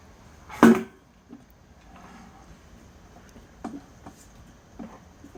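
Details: Baby sneezing while pushing an object along: a single short, sharp infant sneeze, followed by quiet room sounds and small knocks.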